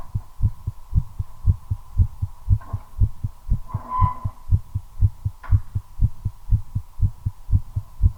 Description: My accelerating heartbeat during a smoke. Effect of nicotine.